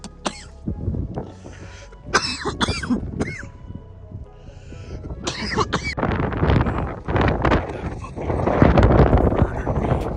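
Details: Adult coughing while smoking a plug-and-play vape cartridge outdoors on a hiking trail: bursts of harsh coughing and throat clearing building into a sustained coughing fit, with music behind.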